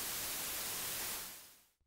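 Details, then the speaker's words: Steady hiss of white noise, equal energy across all frequencies, the masking sound used by the Tinearity G1 bone-conduction tinnitus sound generator, fading out after about a second; white noise masking sound. "donne une énergie égale sur toutes les fréquences. Et c’est le son de masquage utilisé par les G1."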